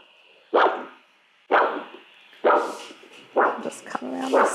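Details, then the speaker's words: Rhythmic whooshing pulses about 64 a minute from a handheld Doppler at about 40 degrees over the posterior tibial artery at the ankle during an ankle-brachial index measurement on a resting patient; normal arterial signal. "so once you're happy with this signal inflate the cuff until the sound is obliterated and then we just slowly release waiting for that initial sound so that was 162."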